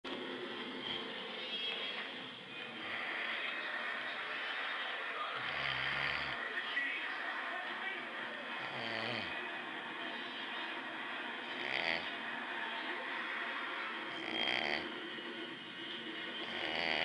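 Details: An adult man (dad) snoring in his sleep: intermittent rough snoring sounds over a steady background hiss.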